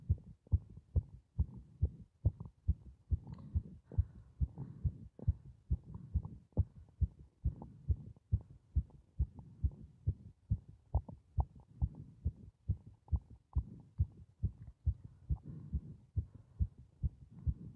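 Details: Fast heartbeat during paper bag breathing: steady, strong thumps at about 140 a minute.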